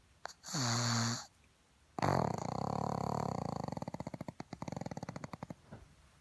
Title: CUTEST PUG EVER SNORING